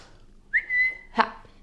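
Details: Young woman with Tourette syndrome, whose tics worsen with strong emotion: a sudden short whistle on one steady pitch, then a brief voiced burst, a whistling vocal tic.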